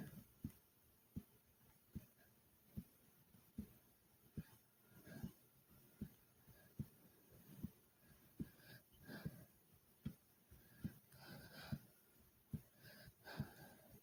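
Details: Steady heartbeat near 76 a minute with rushing breaths after doing 30 jumps in place: heavy breathing after exercise.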